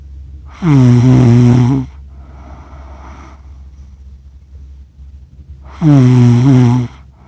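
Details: Adult accidentally self-recorded asleep, snoring for 47 minutes: two loud, tonal, buzzing snores about five seconds apart, each followed by a softer breathy exhale, over low room hum: snoring.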